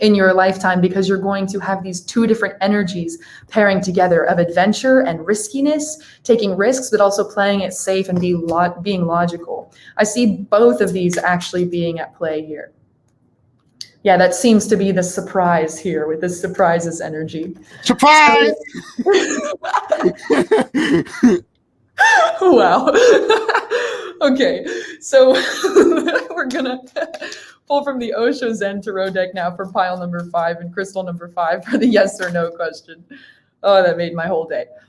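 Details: Adult woman; Typical speech.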